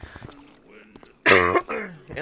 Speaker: now excuse me sorry for all the clearing of my